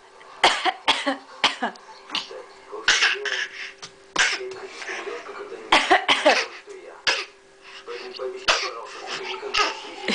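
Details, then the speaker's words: Playful imitated coughs traded back and forth as a child (daughter) copies grandmother's and mother's coughing while learning to repeat sounds; not illness. "Вот так мы тебя засни смотри как она передразнивает кашель бабушка кашляет она кашляет мама кашляет и доча кашляет"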